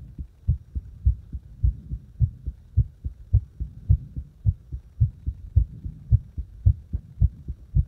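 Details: Heart sounds, regular low paired thumps at about 105 beats a minute, slightly fast; heart rate deliberately made faster and slower during the recording.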